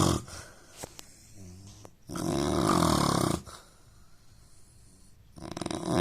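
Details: Snoring of an Indian man.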